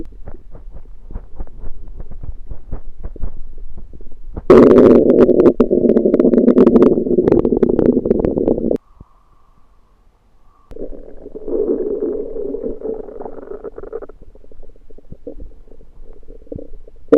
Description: So one day late in February 2023 I had something I cooked suddenly late after eating it made strange sounds in my Belly. I think I under cooked it.